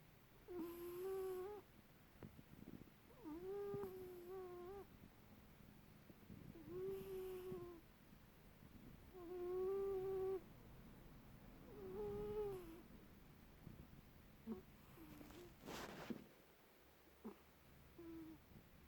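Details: Pet cat asleep, snoring with squeaky, whistling, tonal snores, about 24 a minute, in a quiet room; snoring.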